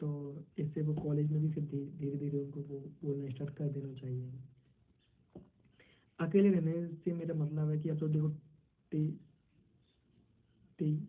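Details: 22-year-old man who stammers, member of a stammering support association, with syllable repetitions; stuttering.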